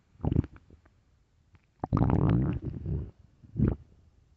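Short bursts of low gurgling growls with quiet gaps between, including one longer rumble: normal stomach growling, often linked to hunger.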